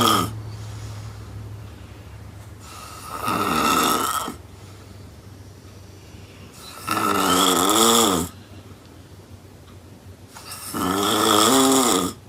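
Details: Woman snoring very loudly: rattling snores on each inhalation, about 16 breaths a minute, with quieter exhalation between; heavy snoring.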